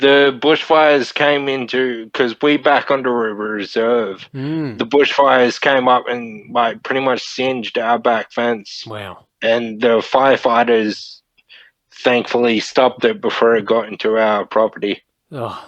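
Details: Ataxic dysarthria from Friedreich's ataxia, a neurodegenerative disorder, in a 31-year-old man diagnosed at 14; he reports slurred speech and struggling with words as part of the disorder.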